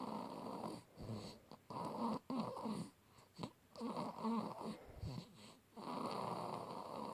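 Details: Baby girl, one of twins, snoring: irregular, harsh, rattling breaths in quick runs, about 31 a minute, with short pauses between; loud infant snoring.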